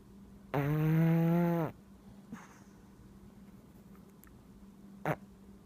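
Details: Siamese male cat, a very deep sleeper, snoring: one loud, buzzy, drawn-out snore lasting about a second, then quiet breathing with a brief snort.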